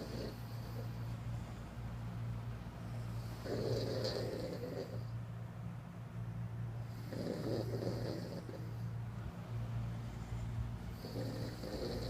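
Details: Several sleeping people snoring together: rough, rattling snores on each in-breath, about every 3.5 seconds, over a steady low hum; snoring.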